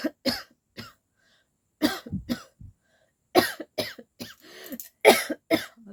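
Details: Adult woman deliberately faking coughs, no cold at present, saying fake coughing turns real: repeated short coughs in irregular clusters, about 35 a minute; imitated voluntary cough.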